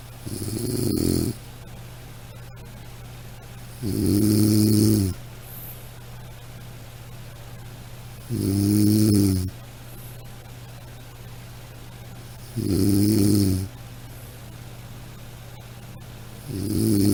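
Regular rumbling snores on each in-breath, about 14 a minute, with quiet pauses between and a steady low hum behind.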